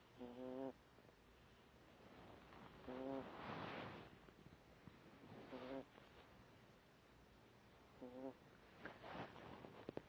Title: snoring 😴